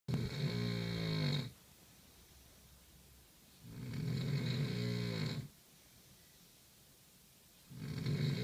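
Loud, deep, droning snores about every four seconds, near 16 breaths a minute, with quiet breathing gaps between them. Heavy snoring.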